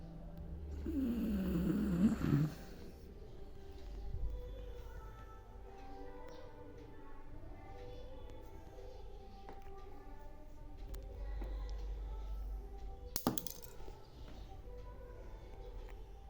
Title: Mums snoring 😴😴😴💤💤PART 2 moye moye